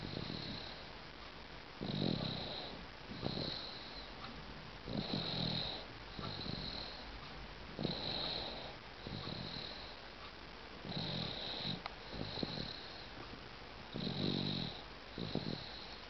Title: 8 months old baby snoring.AVI